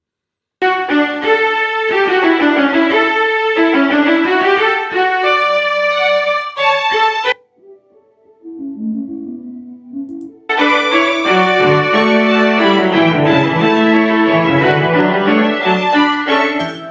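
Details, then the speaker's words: Simulated bilateral moderate-to-profound mid-to-high frequency sensorineural hearing loss: bright, full classical music turns dull and muffled, leaving mainly bass, low notes and rhythm while timbre and instrument color are lost. "so as you know with most music kind of builds up and then the more and more instruments are added that's why I've done that a few times this time and you could see that every time I'm pressing simulate it's just going down to the base of the of the music which is where uh most of the hearing is there within the Basse s"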